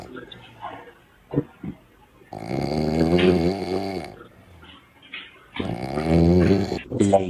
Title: snoring 😂